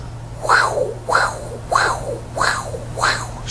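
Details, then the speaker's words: Aortic sclerosis murmur on the Harvey cardiology manikin: simulated heart at about 95 a minute with a crescendo-decrescendo systolic murmur starting after S1 and ending around or just before S2; carotid pulses normal. "the murmur will go up and down that's a typical a or tics chlorosis murmur the carotid pulses will be okay"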